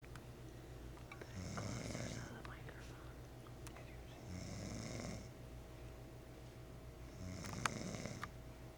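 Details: Loud snoring likened to a motorboat: three low, rattling snores on breathing in, about 20 a minute, with quiet breathing out between them.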